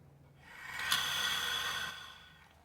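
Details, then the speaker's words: Nursing-class demonstration of an incentive spirometer aiming for 3000 ml: a single long, steady, airy inhalation of about two seconds, keeping the ball raised; deep controlled incentive spirometer inhalation. "जब तक हम air को खींच रहे हैं या खींच के रोके हैं तब तक ये बॉल ऊपर रहेगा। जैसे आप कैपेसिटी खत्म होगी तुरंत ये बॉल नीचे आ जाता है।"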